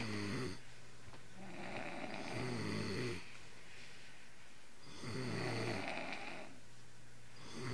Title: Dad and Son Snoring